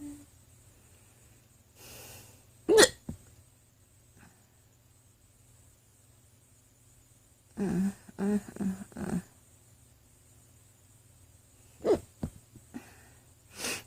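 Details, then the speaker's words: Woman with hiccups, which she says stress brings on and prolongs, talking softly: quiet room with steady hum, broken by a few sharp, abrupt catches in the throat and soft voiced sounds; hiccups. "I don't have much space on my phone I'm going to run out of space I'm going to run out of space before I run out of hiccups"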